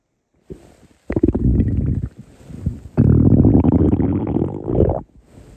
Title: Hungry Stomach growling 3